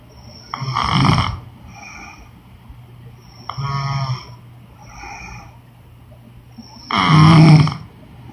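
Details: Woman snoring heavily in sleep: loud, rattling inspiratory snores alternating with softer whistling exhalations, roughly every three seconds.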